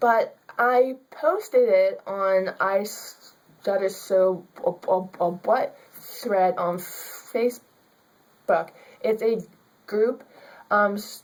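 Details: Young woman with stuttering.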